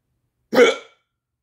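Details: A person with persistent hiccups that won't stop, the fourth bout today: a single short, abrupt voiced gulp with a sharp onset; hiccup.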